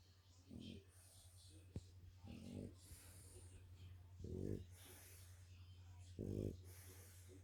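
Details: Regular low rumbling snores, about 30 a minute, with hissing breaths between, from a French bulldog napping tired after a walk: snoring.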